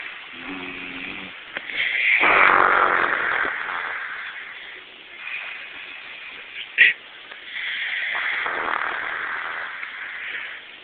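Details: A grandmother asleep while watching TV, recorded on a phone: loud, rough, rattling breathing in long drawn-out waves with a brief snort; snoring.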